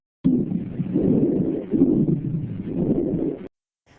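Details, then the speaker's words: Chest auscultation: rhonchi, low-pitched, rumbling, snore-like breath sounds from obstructed or rough airflow through the large airways. "Bueno, ahora tenemos lo que es el roncus. Son ruidos que parecen ronquidos y ocurren cuando el aire queda obstruido o el flujo de aire se vuelve áspero a través de las graves vías respiratorias."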